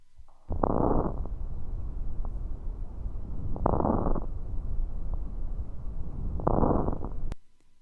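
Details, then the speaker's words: Coarse crackles (rales) on auscultation in a child, crackling on each inspiration at about 20 breaths a minute, from mucus-collapsed small airways popping open, as in pneumonia or congestive heart failure. "Rahl's are a course crackling noise made from the small Airways popping open this is when you get mucus in the tiny airways collapsing them so when the child breathes they pop open some causes are pneumonia or congestive heart failure another listen"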